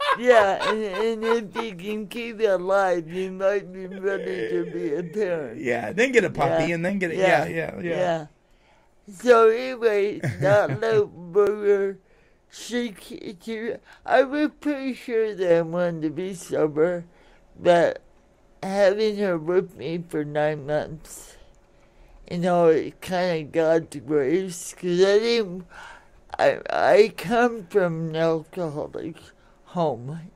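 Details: Adult woman born in 1959 with cerebral palsy from oxygen deprivation to the brain during delivery, affecting speech and motor skills; some listeners find her hard to understand; dysarthria.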